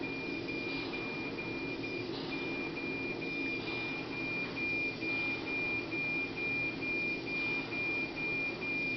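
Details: Neonatal mechanical ventilator in SIPPV mode, supporting every breath attempt of the baby however weak: steady machine hiss with a faint continuous tone and quick rhythmic puffs of the ventilator cycling.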